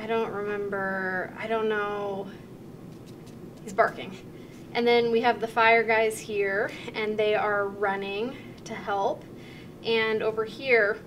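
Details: Demonstration of anomic aphasia, a mild fluent acquired language disorder, in a picture description task: fluent speech with word-finding errors, filler words and talking around the word; comprehension relatively intact.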